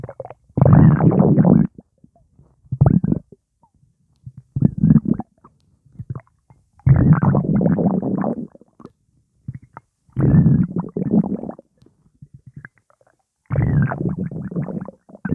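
Loud, bubbly gurgling bursts every few seconds: fluid and gas moving through the stomach, a normal rumbling after a fizzy drink.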